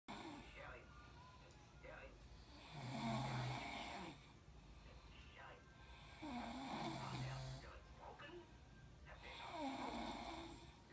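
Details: Snoring from two sleepers in the same room.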